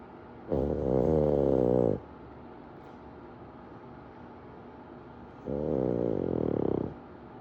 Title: KingPug snoring like a chainsaw while napping on his (reclining) throne.